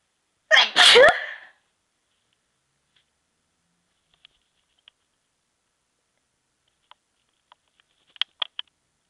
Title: I tryed to make some stifles sneezes